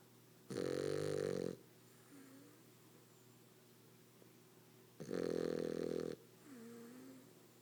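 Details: French bulldog snoring very loud: rattling snore on each in-breath, about every four to five seconds, with a softer whistling out-breath.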